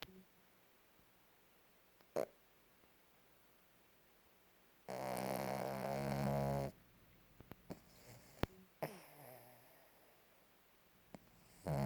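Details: A dog: one long, rough, rattling breath sound amid quiet, with a few faint clicks; snoring while asleep.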